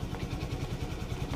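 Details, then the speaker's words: Person with cystic fibrosis doing twice-daily chest therapy with an inflatable airway clearance vest (15-minute timed session): low steady rumbling drone with rapid pulsing as the vest vibrates the chest, making her voice vibrate while she talks. "And then it vibrates. And it makes my voice vibrate because it vibrates me. And yeah, so it vibrates me a lot."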